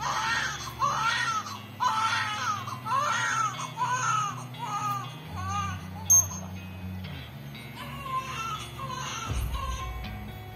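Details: Repeated rising-and-falling infant cry bursts followed by soft chiming music, demonstrating a DIY baby cry detector that starts a music player when it detects crying: infant crying.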